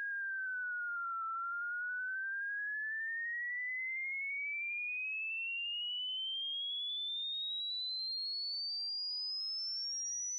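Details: Uncalibrated demonstration pure tone for tinnitus matching (TinnitoMeter): a single clean whistling tone dips slightly, then glides steadily upward in pitch.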